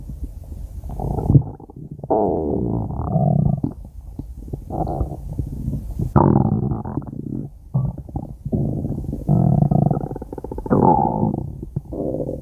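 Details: Long low gurgling and rumbling from the belly in repeated waves; stomach growling (borborygmi) from gas and fluid moving through the gut.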